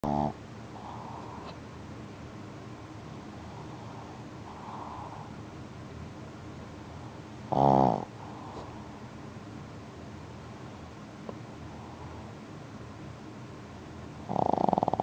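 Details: Black pug asleep: soft rhythmic snuffling breaths with a couple of louder snorting snores; snoring in a flat-faced dog.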